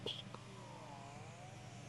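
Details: Wearable electric breast pump, type-C charging, being tested with adjustable suction levels: quiet, steady motor hum with a slowly shifting whine as suction changes; electric breast pump running.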